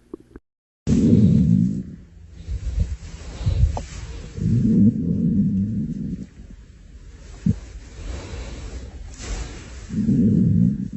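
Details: Ordinary stomach growling (borborygmi): low, drawn-out rumbling bursts with scattered gurgles and pops between quieter stretches, a normal digestive sound.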